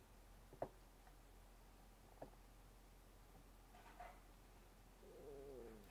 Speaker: stomach is growling I'm sorry I don't know if you guys can hear that I imagine you can because in the new video that we're doing on Tuesday when I was editing it I could hear my stomach growling